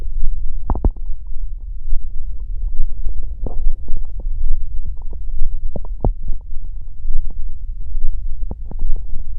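Low, irregular gurgling and rumbling with scattered pops; ordinary stomach growling.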